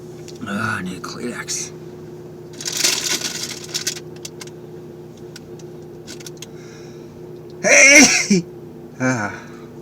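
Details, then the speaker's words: Man sneezing in a car during his daily sneezing bouts, face feeling numb: a run of sharp sneezes, each after a short intake, the loudest near the end, over steady car hum. "So I'm in the car in the middle of my daily sneezes. Oh. I think that's 7."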